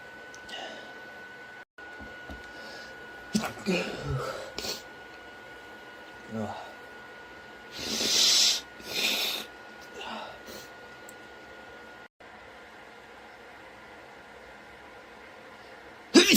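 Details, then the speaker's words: Repeated sneezing from allergies: sniffs and snorts, then a couple of forceful sneezes and nose-blowing against steady room hiss, followed by congested voice and sore throat. "Oh, God. There's another one coming. It's coming."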